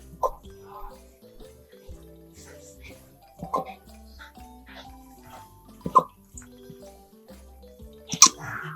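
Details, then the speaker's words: Golden retriever puppy with hiccups, relieved by gentle back pats: four brief, sharp hiccups about every two to three seconds over background music. "Ever seen a puppy with hiccups? Each little hick makes his whole body bounce."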